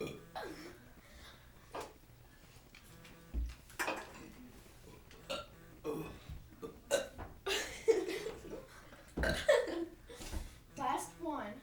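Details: Two girls in a deliberate burping contest: several loud, voluntary burps in turn with brief chatter between them.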